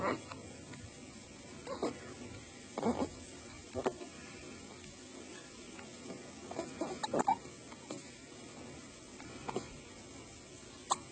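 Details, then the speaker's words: Infant hiccups in a baby who had been falling asleep: brief, sharp little sounds recurring every second or two in a quiet room, about eight in eleven seconds. "Still have the hiccups? You were falling asleep a second ago?"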